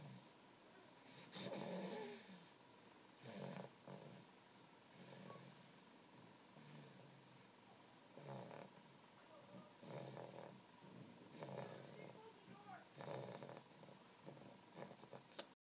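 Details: Rough, rattling snores recurring about every 1.5–2 seconds over a steady room hum during sleep; snoring.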